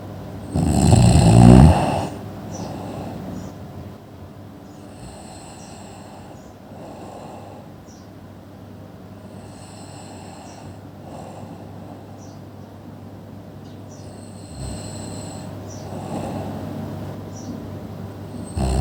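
A loud harsh snore opens, then quieter snoring breaths recur over the rest of the clip, from a sleeping adult.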